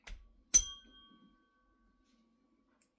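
A sharp metallic strike, then a clear ringing tone fading over about a second, and brief speech at the end: a tuning fork struck for vibration-sense testing.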